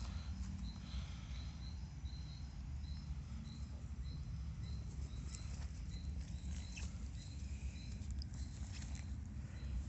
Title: horse stomach growling